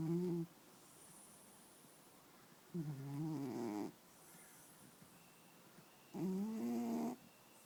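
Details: Black and white cat sleeping and snoring: three slow, voiced snoring breaths over about eight seconds with quiet pauses between; ordinary snoring.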